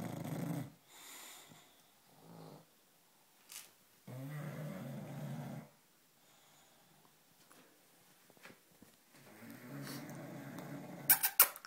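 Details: British bulldog, a flat-faced breed, asleep and snoring: irregular low rumbling snores and snorts with quiet gaps, ending in a few sharp noises.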